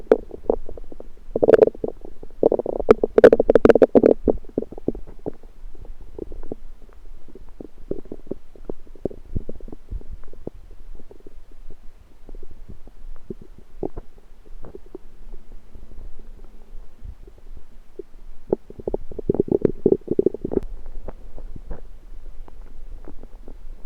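Irregular gurgling and rumbling bowel sounds, louder bursts at the start and near the end, typical borborygmi.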